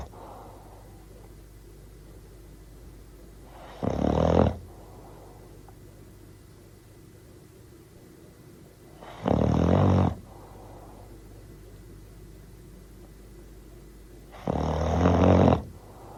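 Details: Bull terrier dog snoring while asleep: three loud, rough snores about five seconds apart, roughly 11 a minute, with steady room hum between; sound effect recording.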